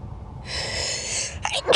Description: In this video I share with you all 3 Sneezes.